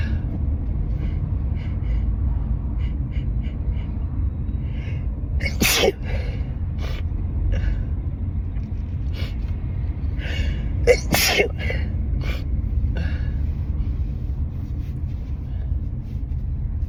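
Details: Allergic sneezing fit in a car, set off by a strongly scented synthetic air freshener after high pollen and wedding flowers: rapid breaths and sniffs over engine rumble, two muffled sneezes and several small stifled ones.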